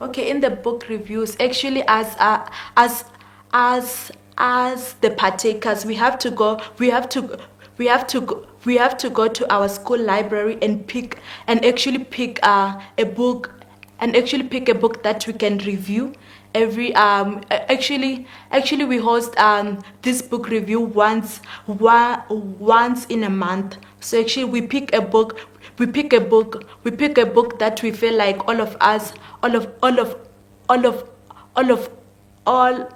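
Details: 19-year-old female grade 12 learner with stuttering; stuttering.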